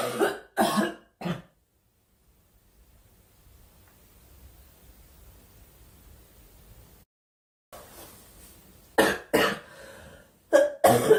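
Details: Young woman during a live stream: repeated short dry coughs and throat clearing in two bursts with a quiet gap between.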